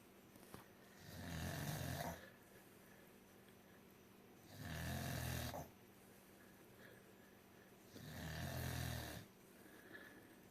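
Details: Small cocker spaniel snoring unusually loudly while sleeping: loud, regular rumbling snores on each breath, about three breaths in ten seconds, roughly 18 a minute.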